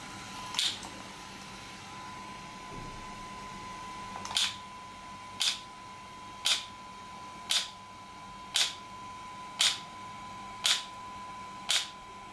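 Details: Sharp, regular clicking pulses about once a second, roughly 57 a minute, over a steady faint hum: an ESWT shock wave therapy device firing, demonstrated for muscle and bone pain relief.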